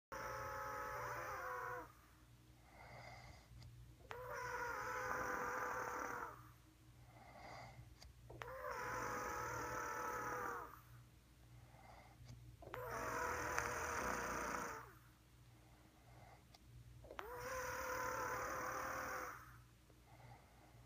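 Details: Loud, rhythmic, tonal snoring at about 14 breaths a minute, each breath-in a rasping, Darth Vader-like hiss: snoring.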